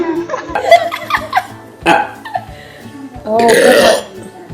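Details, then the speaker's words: Several deep, voiced burps from an adult woman doing a burping challenge, with background music and brief laughter. "that was just a little leftover something happen the esophagus and the belly that one gross smells like beer"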